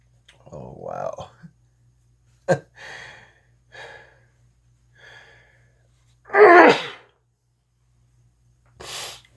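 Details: Repeated sneezing fit: a run of sneezes with soft voice sounds between them, ending in two strong, explosive sneezes.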